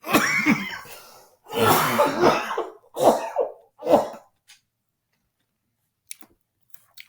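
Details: Adult man's coughing bout during a recorded maths lesson: about four harsh coughs, the first ones longer and throaty, then quiet.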